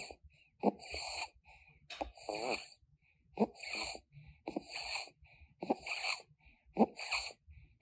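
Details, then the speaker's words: Child in respiratory distress with labored breathing and head bobbing: fast, noisy breaths with a rough, partly whistling edge, about 45 a minute: noisy labored breathing. "labored in this one you can hear noisy breathing and notice head bobbing"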